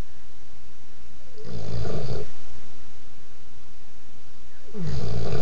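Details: Deep, rumbling snores on inhaling, about three seconds apart, with quiet pauses between: ordinary snoring.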